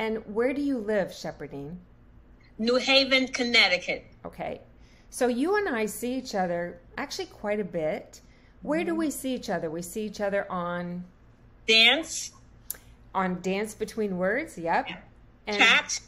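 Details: Adult woman speaking, with brief answers from a second adult; normal speech.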